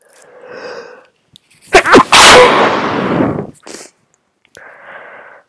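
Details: Stifled sneeze from an adult with a cold after the flu: a quiet breathy build-up, then a sharp, partly held-back sneeze burst with a short follow-up puff.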